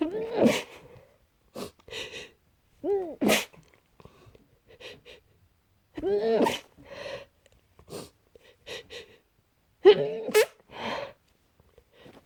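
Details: Trying hard to stay quiet: a series of short, stifled sneezes with held-in voiced bursts and small muffled air puffs between them; repeated suppressed sneezing.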